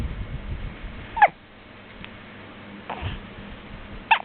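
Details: Two or three sharp, brief, gulping hiccup bursts a few seconds apart over faint background noise; hiccups.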